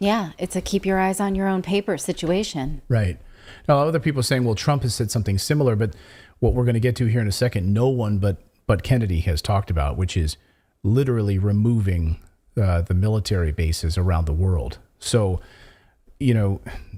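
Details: Adult male speaker; ordinary speech.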